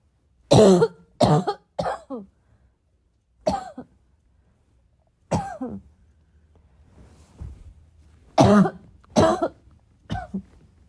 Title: my chest really needed a good coughing fit